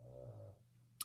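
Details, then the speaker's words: Dog sleeping during a podcast recording, loud low rumbling snore, one drawn-out breath in a small quiet room. "do you hear something in the background that sounds like snoring because if you do that's my freaking dog as loud as hell snoring underneath the"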